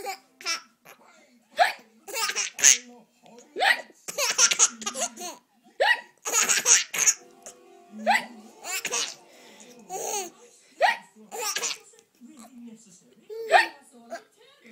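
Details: Baby laughing in bursts at pretend hiccups, broken by short, sharp hiccup sounds; ordinary hiccups.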